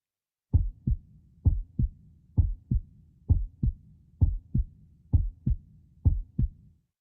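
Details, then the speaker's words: Steady, regular lub-dub heartbeat at about 65 beats a minute with clear paired thumps, played in a children's English listening exercise about body parts. "this part of your body is very important. It is working all the time in the day and at night. You can feel it when you do lots of exercise. It sounds like this."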